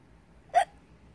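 One abrupt, brief voiced hiccup in a quiet room. A single hiccup.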